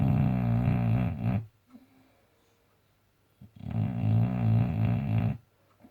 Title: Snoring boxer